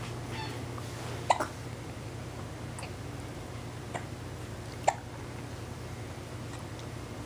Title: Double trouble hiccup's